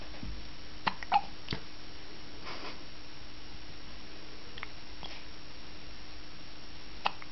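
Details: Hiccups: several brief, sharp hiccup sounds at irregular intervals in a quiet room with a faint steady hum.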